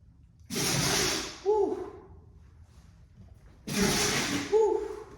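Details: Pitbull sneezing twice, a few seconds apart, with sharp, hissing nasal bursts after its owner mopped with bleach; repeated sneezing.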